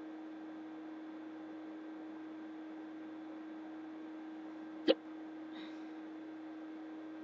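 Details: Persistent hiccups at 3:30 in the morning keep a person awake in bed: a single abrupt hiccup over a steady background hum, followed by a faint breath. Hiccups.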